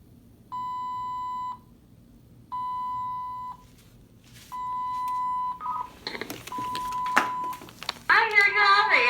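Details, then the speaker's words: Hospital inpatient with chronic illness: IV infusion pump alarm sounding because the bag is empty, three long steady electronic beeps then a fourth, over rustling and a brief voice. "my iv goes off because my bag is empty at this point the nurse case manager is left"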